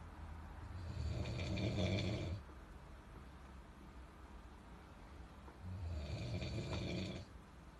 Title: ANG HILIK BOW!! " The Snoring "